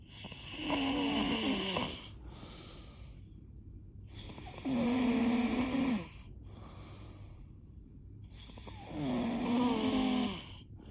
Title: Snoring 3